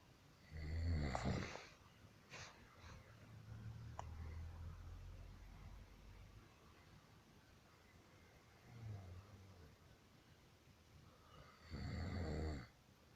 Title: Husband Snoring